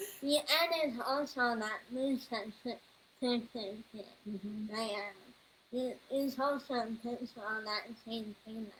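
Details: Speech disorder in a 21-year-old woman, found on neuropsychological evaluation alongside level 2 autism, anxiety and a needle phobia.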